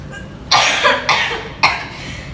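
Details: Three breathy, forceful coughs in a row over room noise, acted by a role-play patient, a 45-year-old woman, in a nursing effective-cough training video; the nurse reports phlegm in her airways.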